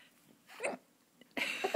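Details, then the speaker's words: Mother hiccuping at dinner time while her young child laughs at her hiccups: a brief, abrupt hiccup-like catch in the voice, then a louder burst of sound; hiccups. "he laughing at my hiccups you shouldn't laugh at Mama's hiccups I can't help them"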